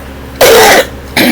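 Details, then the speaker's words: Two short, harsh cough bursts from an adult who has been unwell for a couple of days; the first is longer and fuller, the second is cut short. "excuse me, I guess you can hear the cough, which is why I've been MIA for a couple of days."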